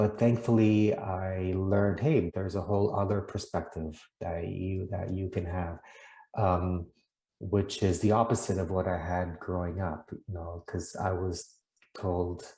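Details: Adult man from the Netherlands who stutters, heard with audible repetitions such as "i i i'm" and "that that"; stuttering.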